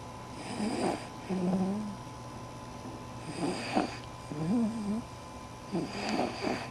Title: 014 journey 9 weeks snoring